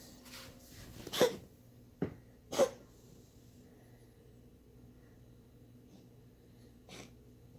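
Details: A pet named Monkey, probably a dog, gives three short, sharp coughs in quick succession, then a softer one.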